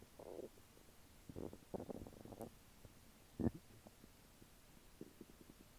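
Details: Bowel sounds after eating chicken nuggets and fries: soft, low gurgles and rumbles in short irregular bursts over a quiet background; normal bowel sounds from digestion.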